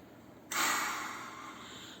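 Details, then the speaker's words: Woman with asthma using a peak flow meter to assess her asthma: a single sudden, forceful breath blast that trails off, a forced exhalation. "you can see a patient of mine using a peak flow meter to assess her asthma"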